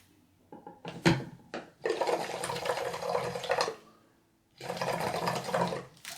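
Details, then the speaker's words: A few clicks, then sustained gurgling bubbling in two bursts with a pause: a homemade chest drain simulator, tube pinched yet still bubbling as air is pulled from the collection chamber, simulating an air leak. "let me pinch it up here we're still going to get bubbling because it's pulling air out of the um uh collection chamber okay"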